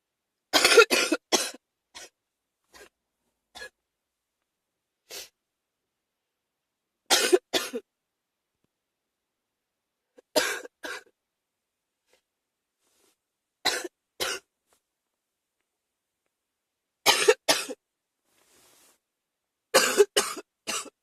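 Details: Repeated short coughs in clusters of two to three from an adult with an ongoing common cold; cough.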